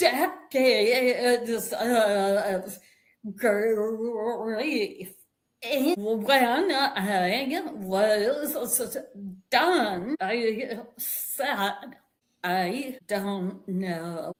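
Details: Vocal tremor in an adult woman, attributed to more than 50 years of narcissistic abuse and trauma that began at age five with her father and continued through abusive relationships; a real, not acted, condition.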